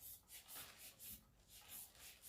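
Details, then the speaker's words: Four rhythmic soft hissing squeezes, about two per second, as the hand bulb of a manual sphygmomanometer inflates the blood pressure cuff during a demonstration of checking blood pressure. "तो यह हमारा bulb है जिससे जिसको हम दबा के cup में प्रेशर बढ़ा सकते हैं"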